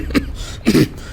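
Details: Simulated smoker's cough acted out by an adult to illustrate COPD (lung attack) symptoms: two short, rough cough bursts.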